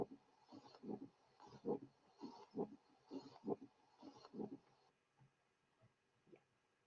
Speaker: The following example displays a typical friction rub recorded at the left sternal border of a male with pericarditis. Both the systolic and diastolic components of the rub are heard.